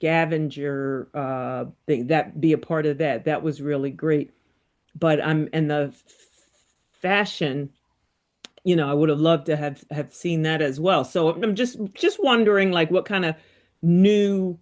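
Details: Support group member recovering from a brain injury, with aphasia. Finding: aphasia.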